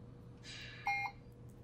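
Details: Puritan Bennett 560 ventilator keypad confirmation beep: one short, clear electronic beep over low room hum while changing settings in volume-based modes.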